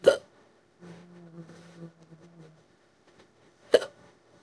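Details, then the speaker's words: Simulated hiccups, a female character with strong hiccups that hurt her throat: two sharp, abrupt hiccups a few seconds apart with soft humming between. Acted hiccups. "this is got be the strongest case hiccup I'm had a long time it's really hurting my throat"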